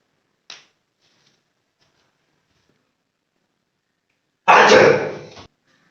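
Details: A sneeze: a brief sharp intake of breath, then a single loud, explosive sneeze burst.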